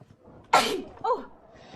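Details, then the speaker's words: Girl's allergy sneeze: one abrupt, explosive sneeze followed by a brief voiced sound; a typical single sneeze. "that's me everybody she sneezed at 1 minute 54 seconds"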